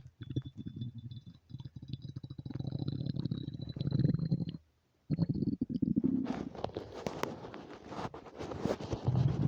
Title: empty stomach rumbles without mic